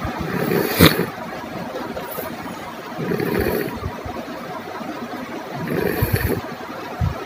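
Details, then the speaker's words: Child snoring only during sleep, loud low-pitched rough snoring with each breath; endoscopy through the nose showed enlarged adenoid tissue behind the nose narrowing the airway (adenoid hypertrophy). "um like we hear in this video this child has a low pitched snoring sound which happens only during sleep"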